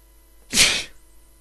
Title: Inducing sneeze (M)